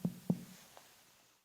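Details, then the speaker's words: Two resonant, drum-like taps with a ringing tone during abdominal percussion, a tympanic note over hollow, air-filled intestines. "in contrast the percussion sound of hollow airfill intestines is more drum-like in nature and is therefore known as tanic or tantic"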